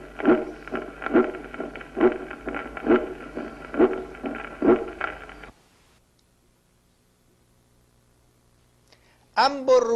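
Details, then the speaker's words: Regular heartbeat about 68 a minute with a ringing, trumpet-like musical second sound (tambour), seen in aortic dilation from arteriosclerosis, aneurysms or syphilis. "en la dilatación de la orta por arterioesclerosis en los aneurismas y en la sífilis el segundo ruido se vuelve musical y se parece al ruido de una trompeta por eso se llama cloroso"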